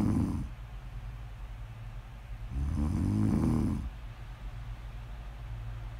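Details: Snoring during sleep: two slow, rough, low snoring breaths over a steady room hum; ordinary snoring, snore ASMR audio.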